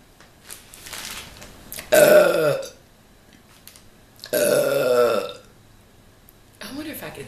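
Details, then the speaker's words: Deliberate burping while eating a Subway steak and cheese sandwich; the eater says they are lactose intolerant, not supposed to eat wheat, and have food allergies. Two long, loud, voiced belches about two seconds apart, with faint talk around them. "I can explain where all the burbs come from I'm lactose intolerant I'm not supposed to eat wheat"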